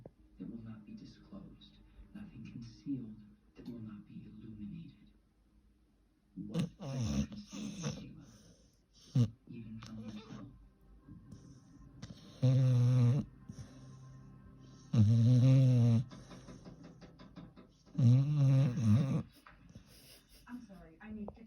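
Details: A sleeping dog gives loud, rumbling snores about every three seconds, with softer breathing in between; snoring.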